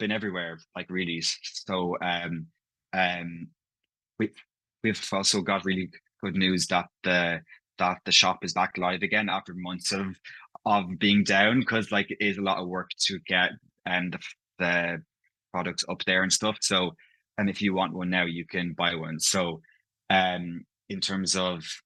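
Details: Adult male who stammers, one of seven people who stammer who made the stammering pride flag; stammering (stuttering).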